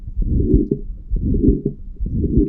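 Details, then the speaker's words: Aortic stenosis: heartbeat at about 63 a minute with a loud, harsh systolic murmur after each first sound, classically best heard at the right upper sternal border. "a large large harsh systolic murmur uh often times classically described as best appreciated the right up sternal border"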